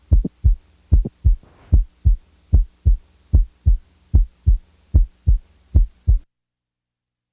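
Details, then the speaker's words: Teaching recording: regular heartbeat about 75 per minute with a brief sharp mid-systolic click. "the next example is that of a normal 20-year-old female with a typical midsystolic [Music] click"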